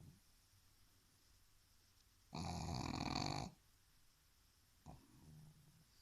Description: Ozzy the snoring pug